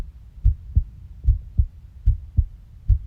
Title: heartbeat sound